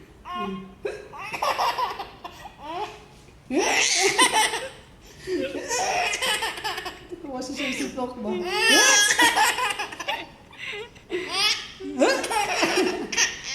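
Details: Child's bursts of laughter broken by sudden, sharp hiccup sounds; ordinary harmless hiccups.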